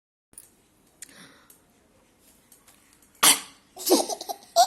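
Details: Baby sneezing: a single sharp infant sneeze, then giggles and laughter, in a small room.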